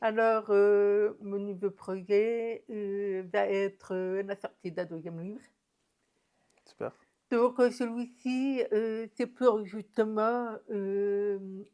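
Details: Deaf speech in an adult woman profoundly deaf since birth, told at 9 months she would never hear or speak, who learned to speak through thousands of hours of speech therapy and lip reading.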